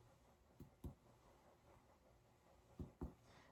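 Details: Resonant, normal percussion note over a male patient's chest during a thorax and lung examination, percussed in a ladder pattern through the intercostal spaces and mid-axillary line, with no dullness or hyperresonance.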